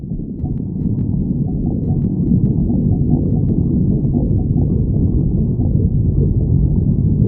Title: stomach growling 29